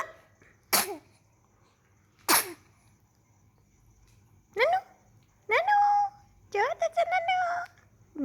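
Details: Little baby sneezing: two sharp, explosive infant sneezes, then high-pitched cooing and squealing; sneezing.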